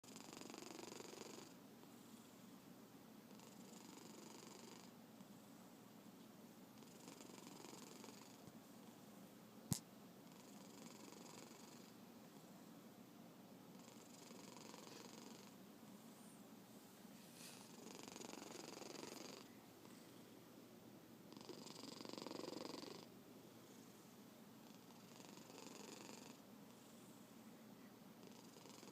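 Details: Sleeping black cat snores softly, with a gentle rasping noise on each breath at about 18 breaths a minute: snoring.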